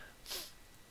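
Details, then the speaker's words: A person with Tourette syndrome, whose tics are intense tonight, makes a single brief, sharp, snort-like nasal burst while narrating a coding session in a quiet room; a simple vocal tic. "man tourette's a little intense tonight so pardon me"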